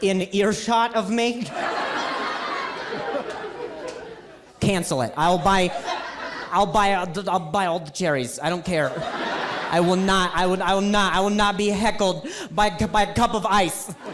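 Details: Adult male stand-up comedian who says he stutters and calls it a very mild speech impediment; repetitions of words and phrases are heard during his set; stuttering.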